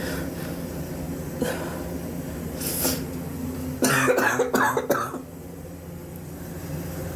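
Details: Adult with weeks of persistent coughing, self-suspected bronchitis, pneumonia not yet excluded (X-ray pending): quick run of about four harsh, hacking coughs over low room noise.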